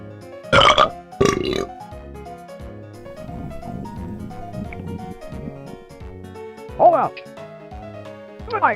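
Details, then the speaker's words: Animated cartoon burping contest (simulated, not real patient): loud, long belches over background music, some with a voice running through them. "we're in public don't judge my burping skills the master is always the best belcher"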